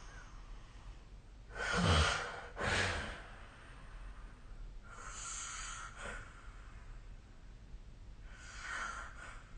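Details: Snoring during sleep recorded with the SnoreLab app: noisy breathy snorts and rough exhaled breaths over steady room hiss; snoring.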